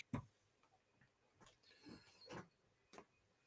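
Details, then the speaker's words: Speaker's own neck cracking, which he links to his neck feeling more tense: a single sharp crack near the start, then fainter pops and clicks in a quiet room; harmless neck crack. "Did you guys just hear that neck crack? Yeah, that was a neck crack. I think that my neck has become a little bit more tense, and it actually makes a little bit of sense to me as to why that would be."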